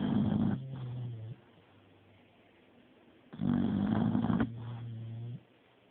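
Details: Person who claims not to snore, recorded on a phone: loud, rough snoring breaths each followed by a lower groaning tail, roughly every three seconds; heavy snoring during sleep.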